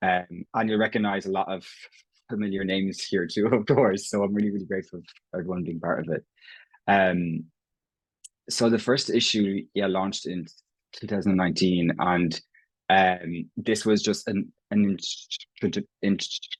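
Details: Stammering (stuttering) in an Irish adult man who has stammered as long as he can remember; his own speech features prolongations, repetitions and blocks; stammering in conversational speech.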